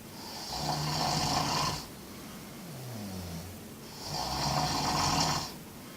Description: My Camino journey in dormitories, with soundtrack.